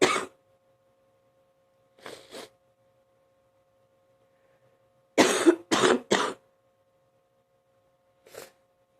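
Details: Another morning deep cough: about seven short, harsh adult coughs in clusters separated by quiet pauses, with a faint steady hum.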